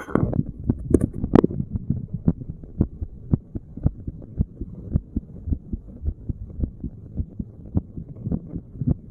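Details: Normal resting heart sounds of a seated person, chest spot chosen at random: soft regular thumps at about 55 beats a minute, with handling noise at the start as the spot shifts.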